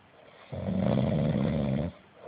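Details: Sleeping dog snoring: a single loud, rough, rumbling snore lasting over a second.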